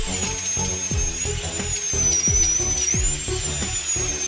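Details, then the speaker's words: High-pitched dental drill whine over background music: a diamond bur removing decayed tissue from a tooth with caries to prepare a cavity for filling. "The dentist first used a diamond bur to remove the decayed tissue."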